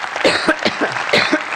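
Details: A run of several short, dry, throaty coughs and throat-clearing sounds in quick succession, with some voicing, from a woman during a conference speech; repeated cough.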